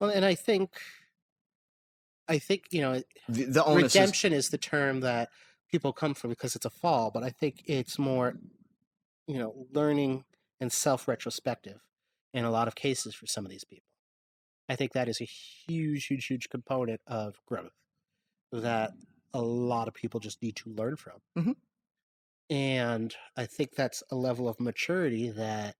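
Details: Adult male speaker; ordinary speech.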